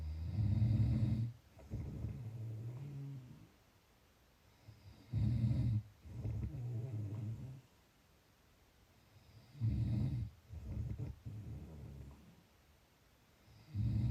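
Loud, low rumbling snores on breathing in, with quieter breaths out, about 13 breaths a minute: snoring.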